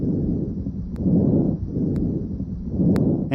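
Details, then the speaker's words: Soft, moderately pitched rushing breath sounds with similar inhale and exhale, auscultated over the main bronchi during a respiratory assessment demonstration: normal bronchovascular breath sounds. "you should also hear bronchovascular sounds over the main"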